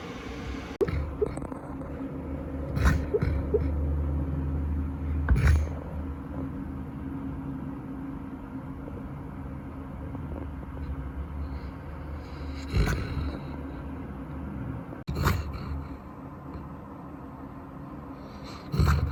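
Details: Golden Retriever dog in deep sleep, dreaming: low rumbling snore broken by a few louder snorts in a quiet room, like an old grandpa; snoring.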